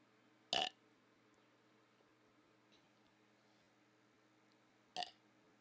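Two short, muffled burps a few seconds apart, let out with the mouth closed, in a quiet room.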